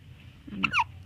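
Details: Person with hiccups: a single abrupt, voiced hiccup with a brief squeak over faint room noise.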